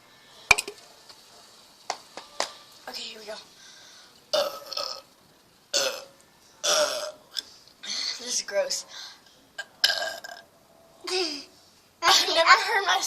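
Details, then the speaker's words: Woman doing a burping challenge after drinking Coca-Cola: about eight loud, drawn-out voiced burps with short pauses between them; repeated deliberate belching. "coca-cola in the mouth oh god oh god here it comes round two i'll be your inspector"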